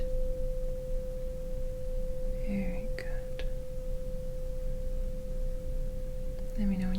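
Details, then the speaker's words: Simulated Rinne test in an ASMR medical roleplay: struck tuning fork placed on the mastoid process, steady pure ringing tone with soft whispering and handling taps; listener asked to report when the tone stops. "So I'm going to strike the tuning fork and then put it on your mastoid process Let me know when you stop hearing it"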